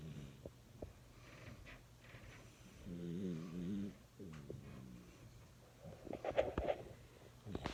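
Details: Sleeping Jack Russell–Chihuahua mix dog, puppy-looking: soft, wavering nasal snores with a slight whistling tone, faint background noise.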